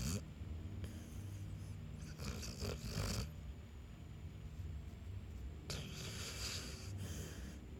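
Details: Dog Maui snoring while asleep, with rough, rattling breaths at slow, uneven intervals.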